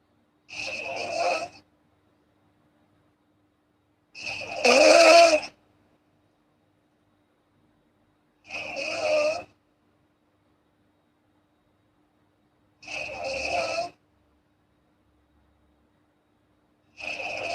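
Soft snores with a breathy, nasal buzz, about one every four seconds, separated by silence.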